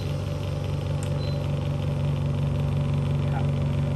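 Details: Konsung KSOC-10 10 L/min PSA oxygen concentrator (93±3% oxygen) in a demonstration: steady low motor hum with soft rhythmic compressor pulsing, normal operation.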